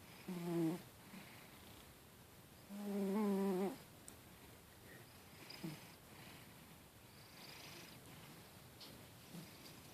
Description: My fast asleep cat snoring away!